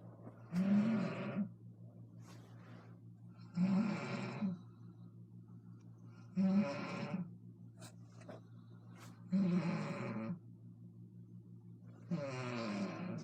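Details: Adult woman (mother) snoring: loud rough snores about every three seconds, roughly 20 a minute, with quiet gaps and steady room hum.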